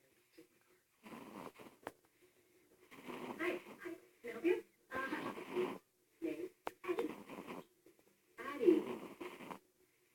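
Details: After-lunch nap: repeated breathy sleep-breathing sounds with a faint whistling, squeaky tone on some breaths; snoring during a nap.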